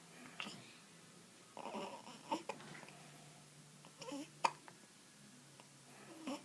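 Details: Hiccups.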